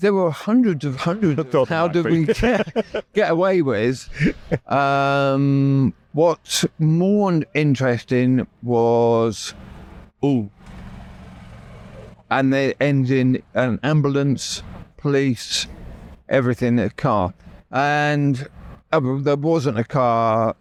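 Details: Aphasia after a stroke that left the right side paralysed and required relearning speech; initially left hospital able to say only three words; knows what he wants to say but words come out differently; adult male.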